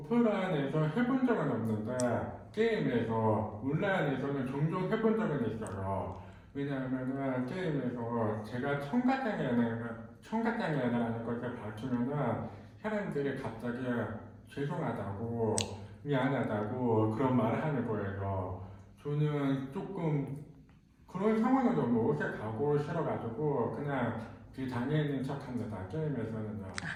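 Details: Speech of a man who is hard of hearing, cause unknown, wearing a hearing aid in the left ear and a cochlear implant in the right ear; hearing loss.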